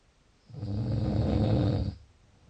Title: Snoring.14 June